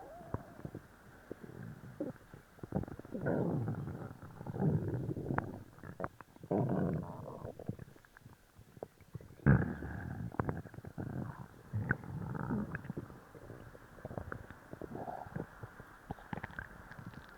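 Loud, gurgling, rumbling bowel sounds in repeated waves; active stomach growling after a laxative.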